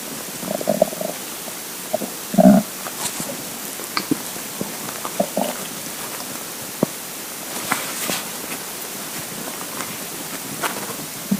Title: Hungry Empty Stomach Rumbling Part 3 (22/10/2015)